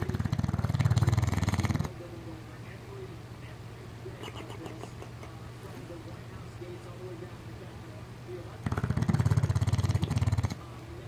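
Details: Snoring from a sleeping 4-year-old English Bulldog: two loud, low, rattling snores separated by a long quiet exhale.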